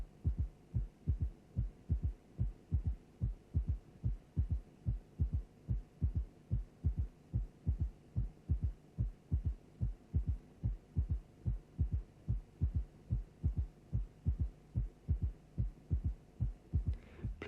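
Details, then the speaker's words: Simulated regular heartbeat near 73 per minute from a cardiac auscultation teaching programme: a soft, low extra sound after the second sound, slowly removed and then reintroduced; third heart sound (S3 gallop). "let us now listen to an example of a third heart sound sound now we will slowly remove the third heart sound and then reintroduce it"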